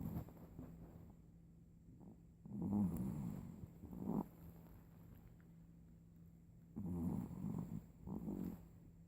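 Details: Sleeping dog snoring: soft rattling snores about every four seconds, roughly 14 breaths a minute, over a steady background hum.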